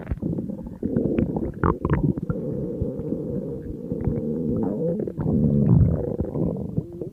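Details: Empty stomach of a hungry person on a diet, in front of food: continuous low gurgling and rumbling without pause. Borborygmi, normal hunger bowel sound.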